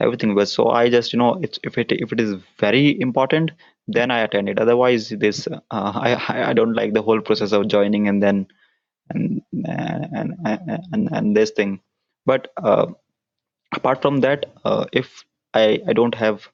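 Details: Stuttering (stammering) in an adult man whose stutter began at around nine years old and persists into adulthood, with repetitions noted.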